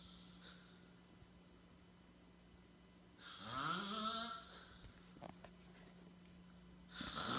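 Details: Noisy sleep breaths with one drawn-out snore rising in pitch, over a steady low room hum, recorded in a living room: snoring.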